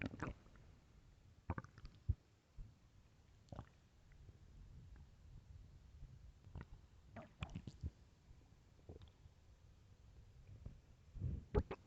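Continuous low rumbling and gurgling with scattered squelches and pops; loud ordinary stomach growling.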